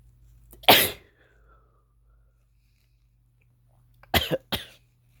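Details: Male with a cold, inducing sneezes: one sharp explosive burst, then after a pause two quick bursts close together; sneezing.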